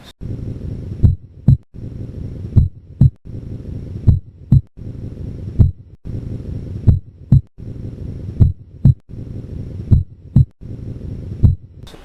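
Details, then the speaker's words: Normal heart sounds at the base: regular paired sounds about 40 a minute over a steady hum, S1 softer than S2. "okay for the base are we at the base yeah for at the base the S1 is softer than S2"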